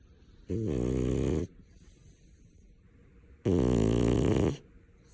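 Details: Two loud, rattling snores about three seconds apart, with quiet breathing between them, from a grey dog: heavy snoring.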